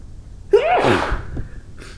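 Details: Adult woman sneezing (also blowing her nose): a rising in-breath, one loud explosive sneeze, then a brief breathy exhale.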